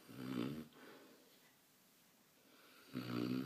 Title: Newfoundland snores